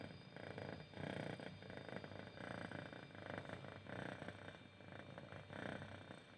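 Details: Cat that is awake, not sleeping: loud rough rumbling rising and falling with each breath, about 40 a minute, snoring-like noisy breathing.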